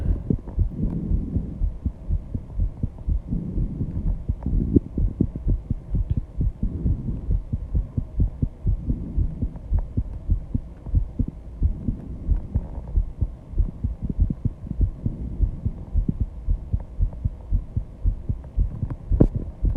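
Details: Fast, strong heartbeat at 134 bpm right after intense exercise, with heavy breathing swells; loud enough to hear without the microphone at first. Rapid heartbeat after exercise.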